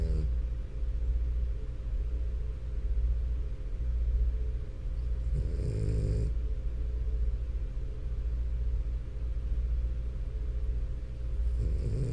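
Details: Flat-faced French Bulldog asleep, snoring with a continuous deep, rumbling, rough fluttering quality and short louder snorts now and then; snoring.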